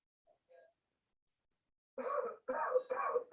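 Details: Simulated sound, not a real patient: a medical-training simulation mannequin plays three short, harsh cough bursts after brief faint sounds, an artificial cough.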